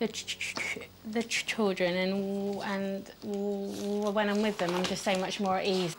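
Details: Stuttering in a 25-year-old woman who has stammered since early childhood.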